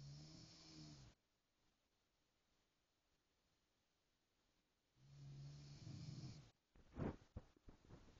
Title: Hello Kitty snoring